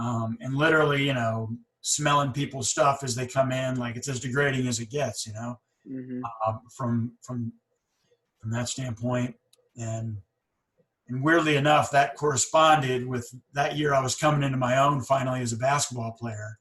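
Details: Adult man who stutters, self-conscious of it since about age eight or nine; stuttering.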